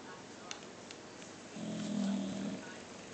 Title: My bulldogs sleeping/snoring